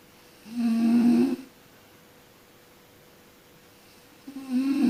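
Two brief, tonal, buzzing snores separated by a long quiet pause.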